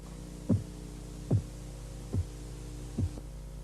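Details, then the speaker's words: Korotkoff phase 4 during blood pressure measurement: four soft, low, muffled taps at about 72 a minute over a steady hum, tapping dropping in pitch; accepted diastolic reading in children. "durante la fase korotkov 4 el sonido de los golpeteos baja de tono y el sonido se amortigua korotkov 4 es la medición diastólica aceptada en niños"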